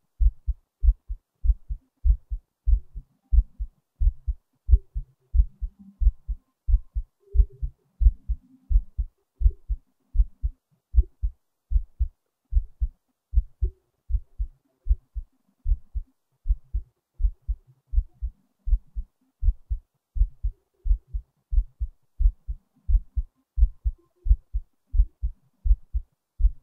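Steady, regular low heart thumps repeat throughout, with a faint low hum behind them.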